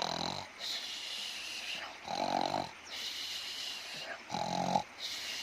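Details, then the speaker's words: A child imitates the father's loud night-time snoring: rough voiced snorts alternating with long breathy hisses, about three cycles; simulated, not real snoring. "ಮಲಗಿದ್ರೆ ನಮ್ಮಪ್ಪನ ಗೊರಕೆ sound ನೀವು ಕೇಳ್ತೀರಾ"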